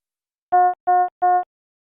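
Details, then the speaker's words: Medium-priority patient monitor alarm on a Philips HeartStart XL+ monitor/defibrillator: three evenly spaced mid-pitched tones for non-life-threatening conditions such as heart rate exceeding high or low limits, shown with a yellow background. "a medium priority indicates a non-life-threatening condition such as when the heart rate measurement violates the high or low limits the alarm message displays with a yellow background and sounds like this or this"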